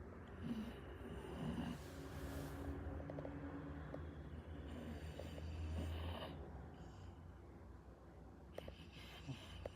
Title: Pitbull snores sound on 🔉